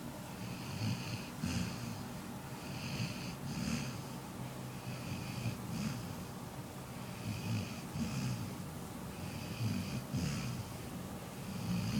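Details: Soft, rattling snores in a regular rhythm, each breath with a hissing edge, under steady room noise; snoring.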